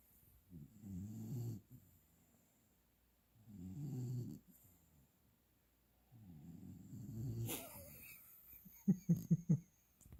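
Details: Three slow, low rattling snores about every three seconds, then brief smacking licking sounds, from a young dog sleeping mouth open after his first walk following his final shots; snoring.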